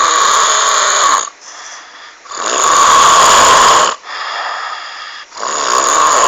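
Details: Heavy snoring: loud, harsh snores on each breath in, with quieter breaths out between, about 22 breaths a minute.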